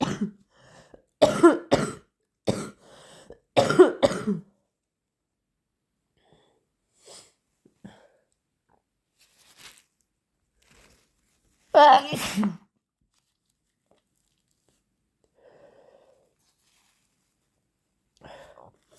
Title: Cold sneezing, blowing and coughing